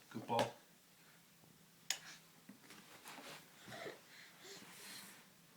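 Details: A baby makes a sharp gasping breath, then softer, snuffly, noisy breaths, possibly from nose breathing; the parent found these gasps turned out to be normal.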